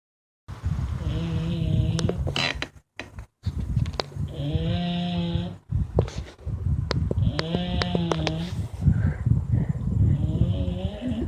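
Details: Sleeping bulldog, described as overweight: loud, rattling snores with a humming, whistly tone about every three seconds; typical heavy snoring.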